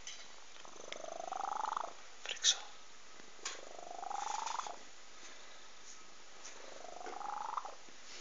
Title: Γάτος που ροχαλίζει... (Cat snoring)